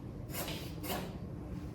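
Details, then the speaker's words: Cat sneezing fit: two quick, hissing sneezes in close succession over a low room hum; sneezing. "The cats are probably gonna make this noise the whole time. And now she has a sneezing fit."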